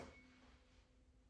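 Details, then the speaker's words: Tuning fork rings with a steady pure tone that fades, during a Rinne test in a male patient's cranial nerve 8 exam after the Weber test; air conduction greater than bone conduction bilaterally, a normal result. "Now we're going to do the Rene test. So tell me when you no longer hear the ringing."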